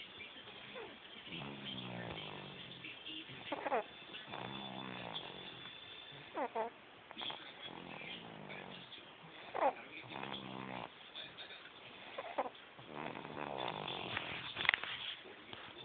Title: Baby Snores- February 12, 2012